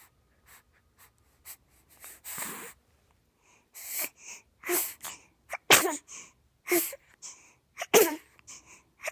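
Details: Sleeping baby wakes and gives several sharp, breathy sneezes with quick breaths and small sniffs between them in a quiet room, then starts making talking sounds; infant sneezing.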